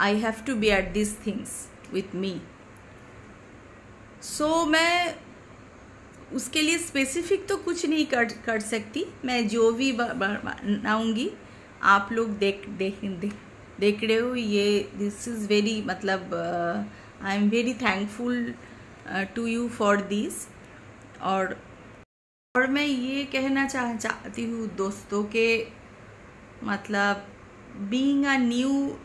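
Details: Woman speaking Hindi who has stammered since childhood, intermittently, worse when tense or angry; stammering.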